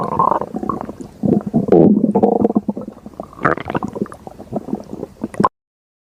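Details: Stomach growling (borborygmi): irregular gurgling, bubbling rumbles from the abdomen, from gas and fluid moving through the gut.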